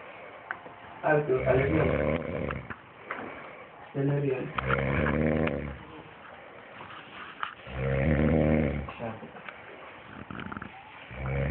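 Three rough, rattling snores on slow inward breaths, roughly 19 a minute, with quiet pauses between; ordinary snoring from throat vibration during sleep.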